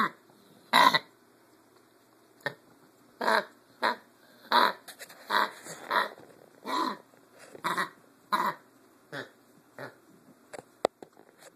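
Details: Young dog with a run of short, harsh, hacking coughs, about a dozen over several seconds; vet said sore throat, owner suspects kennel cough.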